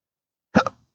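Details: A single sharp, voiced hiccup from an involuntary diaphragm spasm, in a person with rare chronic disabling daily hiccups and burps since December 2015, which began after surgery that left multiple nerve damage.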